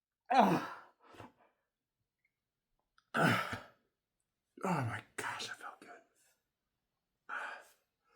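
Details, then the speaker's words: Induced sneeze after nasal stimulation (snorted powder): several breathy build-up catches in a quiet room, then a forceful delayed sneeze burst and trailing exhalations. "There's a good spot. Oh, oh, oh, I need to sneeze. Come on."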